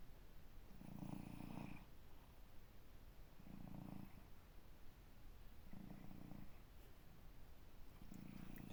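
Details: 16-year-old cat relaxed asleep on a sunny windowsill: four soft, low, rumbling snores at regular intervals, about 27 a minute, over steady room hiss; snoring.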